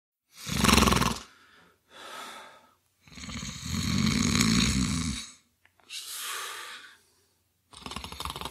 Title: Male Snoring Sound Effect